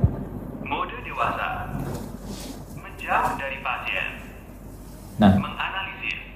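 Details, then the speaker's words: Indonesian synthetic voice prompts of a Philips defibrillator in AED mode during a training demonstration with multifunction adult/child pads, including instructions to stand clear of the patient; AED voice prompts. "intruksinya akan langsung seperti ini sangat jelas kita coba saja"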